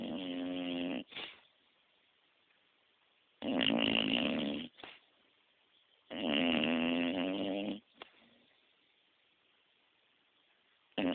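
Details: Loud snoring, likened to a freight train: buzzy, vibrating snores on each inhalation, about 15 a minute, with short snorts and silent gaps between them.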